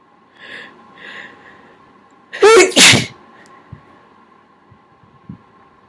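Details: A person gives two soft breathy in-breaths, then two loud explosive sneezes close together, partly held back in the throat, in a quiet room; sneezes.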